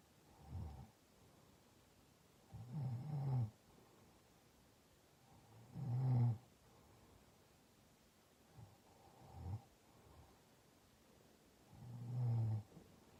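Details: Sick, congested roommate (female) sleeping deeply with humidifier on: low, rough snores on each breath, about five in 13 seconds, steady background hum.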